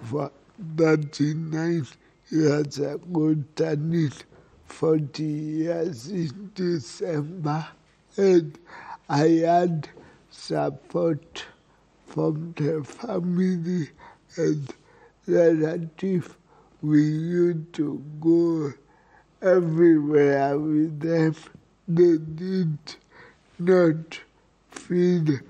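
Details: Man with cerebral palsy; a doctor notes cerebral palsy can affect speech; dysarthric speech in cerebral palsy.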